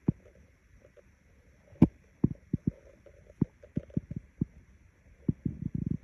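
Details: Stomach growling recorded by a hungry person: irregular low gurgles, pops and rumbles from the belly, ordinary hunger-related bowel sounds (borborygmi).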